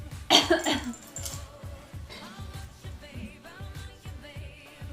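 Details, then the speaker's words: Adult woman on a live stream suddenly grabs her chest and gives a quick cluster of harsh choking coughs over background music; she says she swallowed wrong, maybe allergies: choking cough after swallowing wrong. "I think I swallowed wrong, guys. Might be allergies."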